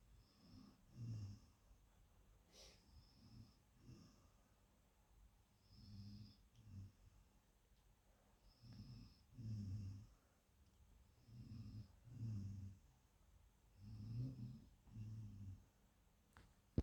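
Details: Snoring recorded in 2019: soft, low rumbling snores with each breath, roughly 20 to 22 a minute, in a quiet room during sleep.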